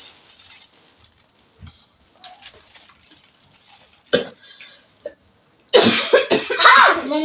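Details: Faked cough, done as a prank on the family's girls: several loud, harsh cough bursts after a quiet stretch, with faint background noise.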